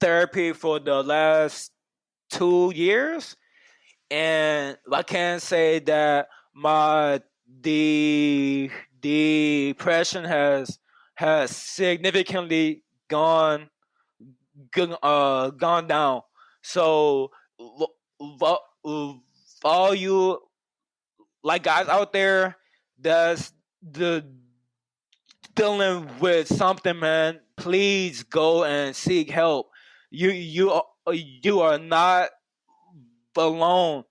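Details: Stuttering in an adult man who has stuttered for as long as he can remember.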